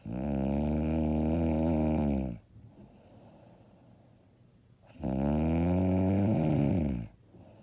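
Loud, rattling snores, each lasting about two seconds, with quiet gaps between them; roughly twelve breaths a minute.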